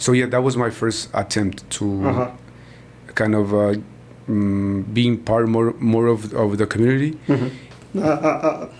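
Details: Stuttering in an adult man born in Mexico and living in Texas who describes himself as a person who stutters.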